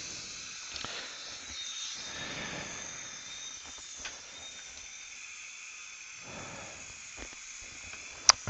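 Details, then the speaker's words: Continuous airy hiss of dental micro-suction with brief clicks and knocks, clearing rinse fluid and possible filings from an external hex implant thread channel after a broken abutment screw was drilled out; dental suction. "I'm going to rinse that out it could be filings in there we're going to pre-soak that again micro suction that out"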